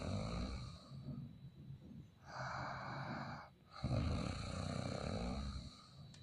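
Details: Man snoring in Haryana: harsh, rattling breath sounds on breathing in and out, with a brief pause between them.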